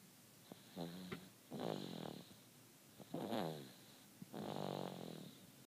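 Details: Loud, rattling, buzzy snores repeating with each breath in a quiet room, with faint snorts between them; ordinary snoring.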